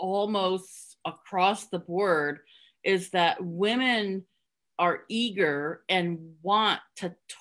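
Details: Adult woman with real stuttering who hid it for close to 30 years through avoidance (covert stuttering) before stuttering openly; stuttering.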